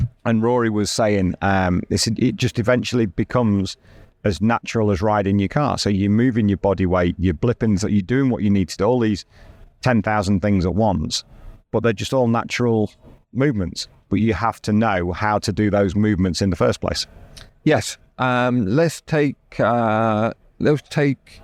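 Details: Adult man speaking; normal speech.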